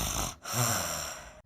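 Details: Snoring; a brief, rough breath with a low fluttering snort in the middle; apnea mentioned.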